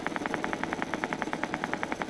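Steady, evenly spaced crisp pops at about 10 per second: individual motor unit potentials during minimal muscle activation.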